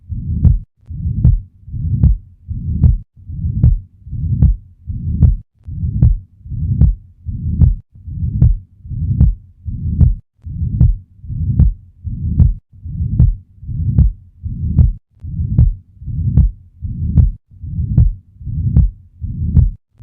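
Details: Ventricular septal defect heard at the lower left sternal border: a regular heartbeat near 75 a minute with a loud, harsh murmur filling systole.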